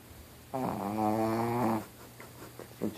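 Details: Snoring in a 16-year-old Pekingese dog: one drawn-out, buzzing, nasal snore lasting over a second, then quiet breathing.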